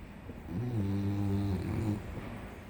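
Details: A single long, low, rumbling nasal snore from an English Bulldog feigning sleep to avoid a walk, eyes seen open, over faint room noise.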